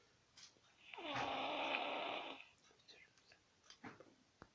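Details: Sleeping toddler snoring: a single drawn-out, buzzing snore on an in-breath, with faint room noise afterward.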